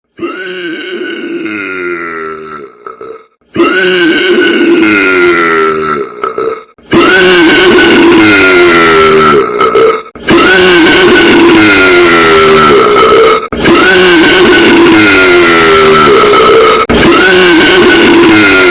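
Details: Six long, loud, drawn-out belches in a row, each a few seconds long, made by layering about a million burps played at once; burping.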